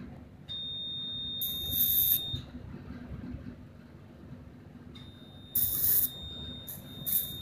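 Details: Laser device operating during wart removal treatment: a steady high-pitched electronic tone in two stretches with hissing bursts over it; laser device beeping.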